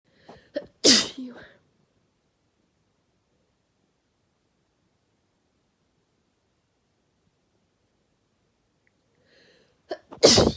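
Two loud sneezes, each preceded by quick catching inhalations, separated by silence.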